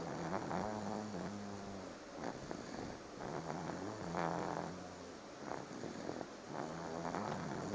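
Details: Repeated low buzzing, purring-like snores with each breath, fairly loud and continuous, at a young age; snoring.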